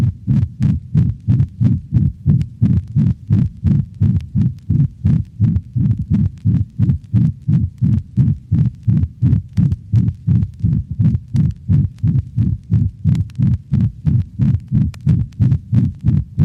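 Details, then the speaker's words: Dog with ventricular septal defect: fast, regular heartbeat with a loud, harsh, hollow systolic murmur over the mitral and tricuspid regions, resembling mitral insufficiency. "note that the murma of the ventricular septal defect is a harsh hollow systolic sound not unlike that of mitral valvular insufficiency"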